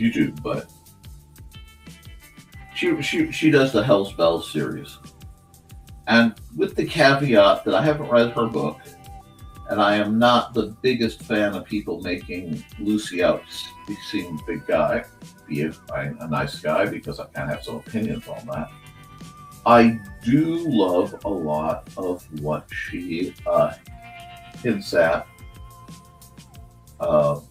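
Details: Stuttering in an adult man who says he stutters a lot; word repetitions.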